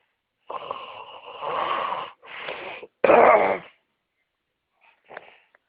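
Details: Three loud, rasping, partly whistling breath noises in quick succession, then a fainter one, from a person who says they are very ill: noisy snoring.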